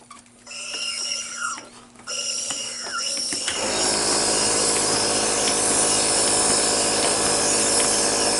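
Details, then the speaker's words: Bicycle-pump-driven nebulizer delivering 3 cc albuterol, demonstrated for child asthma treatment: squeaky pumping strokes, then a steady loud hiss of aerosol flow. "now first dr herman is going to show how effective it is to nebulize with albuterol three cc's with the bicycle pump"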